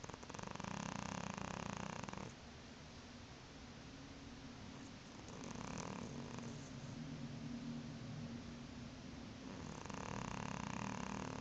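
Soft, rhythmic, rumbling breathing with louder stretches on each breath, like a purr; a cat snoring.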